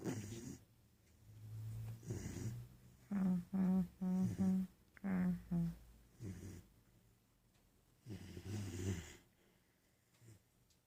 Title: Snoring doberman